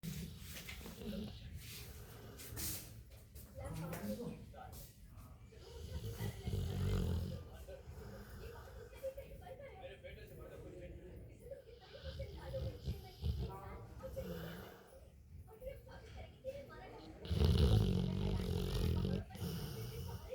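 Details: Sleeping dog, tagged Rottweiler and puppy, snoring: low rumbling snores with snorts and some background noise; snoring.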